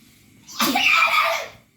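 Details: Loud single sneeze startling two baby guinea pigs a few months old, Coconut and Toffee; one runs into its house, the other keeps eating. A sharp, hissy burst after a quiet lead-in.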